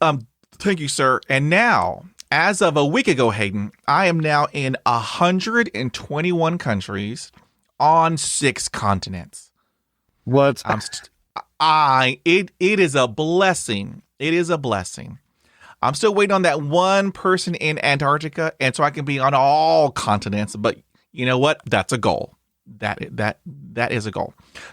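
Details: 20-year-old man who stutters; stuttering with audible repetitions.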